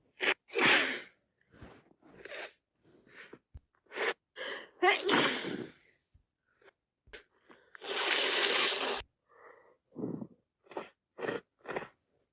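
Repeated wet sneezes with sniffles between them, typical of a head cold.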